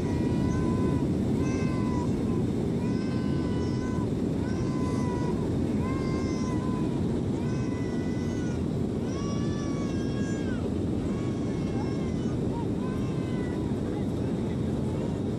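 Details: Infant on a plane crying throughout the flight, with repeated drawn-out wailing cries over loud, steady aircraft cabin roar.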